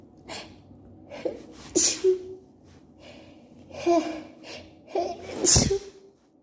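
Repeated sharp sneezes, each with a quick inhaled build-up, about four in quick succession; a run of allergy sneezing.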